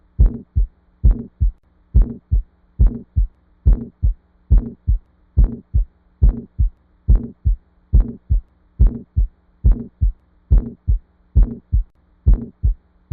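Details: Regular heartbeat around 70 a minute with a soft sound after the first heart sound; benign innocent heart murmur (Still's murmur), which can be heard in children and adults.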